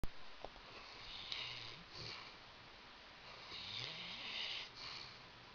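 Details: Sleeping dog snoring in a quiet room: low rattling snores with soft hissing breaths; ordinary snoring.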